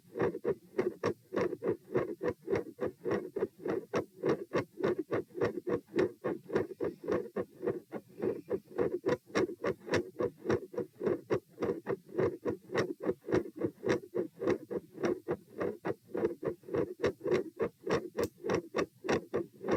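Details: Auscultation stress test at position P while lying, sitting, standing and lying again (72, 84, 108 and 72 bpm): heart sounds with mid-systolic clicks and a split second heart sound.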